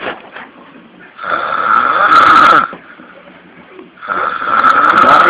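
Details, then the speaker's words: Pig snoring: loud, rough, rattling snores in long drawn-out bursts with quieter breaths between. "Ini adalah suara dengkuran yang paling hebat. Mari kita saksikan sekali lagi."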